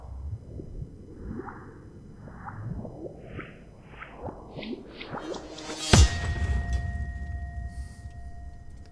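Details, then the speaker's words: Simulated (replicated) recording of exploding head syndrome, a sleep disorder: rising electronic whooshes building to a sudden loud crack, then ringing tones. "is that what it sounds like is that what it really I have never I've heard of the syndrome before but I thought it would be like a gunshot that kind of sounded like an electronic beat"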